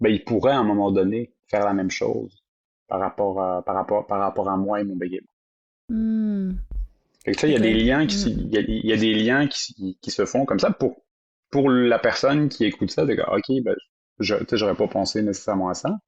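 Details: Adult who stutters, speaking French, real stuttering. Finding: stuttering.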